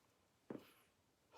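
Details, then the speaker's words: A pet pug dozing in the background gives a single brief, low snorting snore in a quiet room. "yes the snoring you can hear in the background is my pug um he's dozing away because he spent a whole day really really tiring himself out by sleeping"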